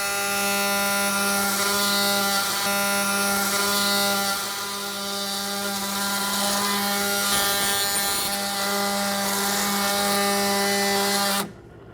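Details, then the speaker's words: Steady high-pitched whine of a robotic-arm-mounted powered saw running for about eleven seconds, then stopping: planar tibial resection within haptic boundaries during Mako robotic partial knee replacement, planar workflow. "Utilizing the planer workflow, we're able to make this saw cut within the haptic boundaries defined by those lines that you're seeing on the workstation."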